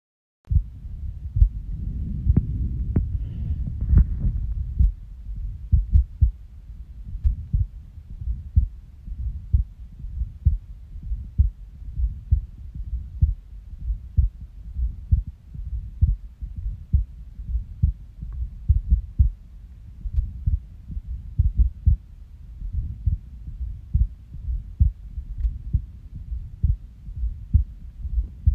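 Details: Irregular heartbeat with skipped beats: low resting heartbeats with occasional skipped or irregular beats, after an early gurgling stomach rumble. Recorded by the person themself just after waking from a nap.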